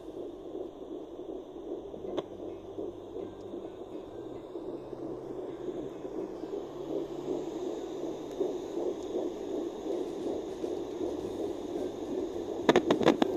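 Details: Rapid, rhythmic whooshing pulses picked up by a handheld fetal Doppler with its ultrasound probe during a device demonstration; fetal heartbeat on Doppler.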